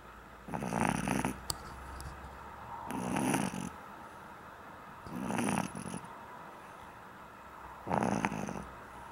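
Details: Pug in deep sleep: four rough, vibrating snores on inhaling, about 26 a minute, with quiet pauses between; snoring in a sleeping short-nosed dog.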